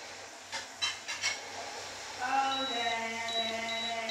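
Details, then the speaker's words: A few soft puffs of breath blown into an oxygen meter, followed by a steady high electronic beeping low-oxygen alarm. "Lâu ngày mình không có vô mình thọc máy này xuống trước Nếu mà nó nó báo oxy thấp là nó báo động mình"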